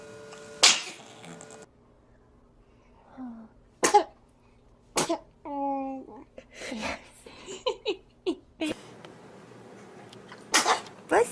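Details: Compilation of babies sneezing: several short, high sneezes with brief infant sounds and adults saying "bless you" in a quiet room.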